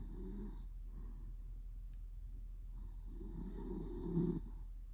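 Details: Adult male (boyfriend) snoring in sleep during REM; he later wakes himself up, with mouth twitches. A low rattling snore on a breath in, a pause, then a longer louder snore, over steady room hum.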